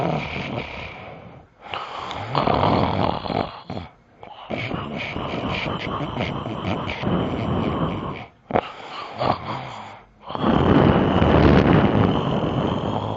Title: simba snoring